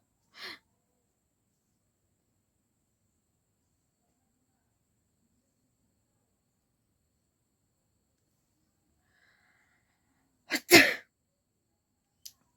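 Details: Woman doing a sneezing challenge, deliberately inducing sneezes: a short inhaled catch, a long quiet pause, then a sharp explosive sneeze in a quiet room.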